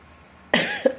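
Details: Adult, likely a woman, with fever, cough, runny nose and body aches, hoarse sore throat since the previous morning; one sharp, harsh cough burst; cough.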